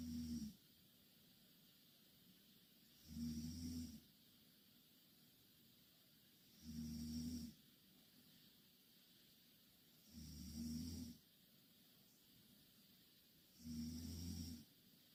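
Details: Loud snoring from two Korean girls sleeping in the same bed: regular snores on each breath in, about 17 a minute, with quiet pauses between them.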